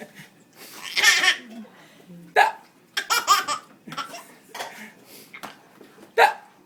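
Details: Baby laughing and giggling while a parent has hiccups and then pretends to have more; several sharp, abrupt vocal catches mixed with laughter, heard as hiccups.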